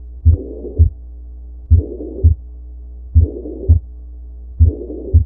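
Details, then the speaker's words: Teaching recording replayed more slowly: heart sounds S1 and S2 with a blowing murmur filling the gap between them, in systole; systolic heart murmur. "you'll realize that you actually hear s1 and s2 and then in the middle you kind of have all this stuff or this this blowing sound so what can we say from that well we know that systole is between s1 and s2 so this is a systolic murmur"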